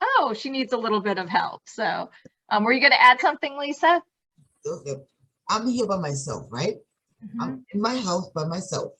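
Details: Adult woman speaking; normal speech.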